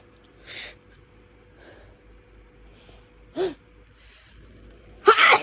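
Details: Intense rapid hitchy sneezing fit on waking in the early hours, with nose pain and trouble breathing: run of short, hissing sneezes building to a louder final burst, quiet breathing between.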